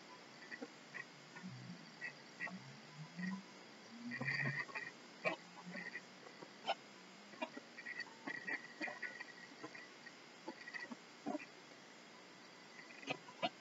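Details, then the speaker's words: Abdominal auscultation with a stethoscope during bowel-sound assessment: scattered soft clicks and gurgles with no whooshing vascular sound; normal, no bruit, a check especially important in hypertension. "Normally there should be no vascular sounds noted, but this is an important assessment to do on a patient, especially if they have hypertension."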